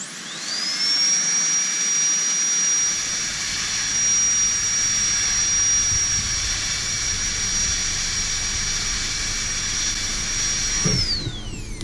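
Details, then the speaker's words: High-speed dental handpiece on a stone model with water during aligner interproximal reduction (IPR) training, opening a tooth contact: high-pitched whine spinning up, running about nine seconds, winding down; dental handpiece running. "I'm going to now do the same thing from this side and you'll notice that the contact will open itself"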